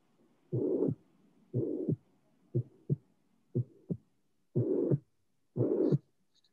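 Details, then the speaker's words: Tricuspid regurgitation in a teaching recording used as a quiz: regular heartbeat near 60 a minute with a systolic murmur that appears and disappears cyclically with breathing (Rivero-Carvallo sign). "Is a murmur, obviously, but it appear and disappear. There is a cyclic variation of this murmur."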